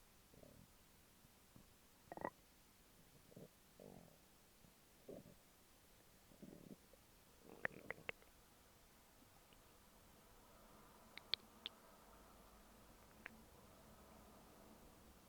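Quiet, irregular gurgles and rumbles with a few sharp clicks in low room noise; ordinary stomach growling.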